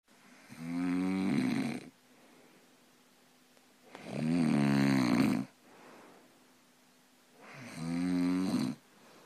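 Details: Boyfriend, who denies snoring, recorded asleep: three loud, rough, buzzing snores on in-breaths, about 17 a minute, with quiet pauses between; ordinary heavy snoring, said to occur almost every night.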